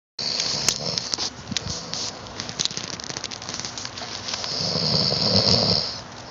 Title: how can i sleep? snoring time!!!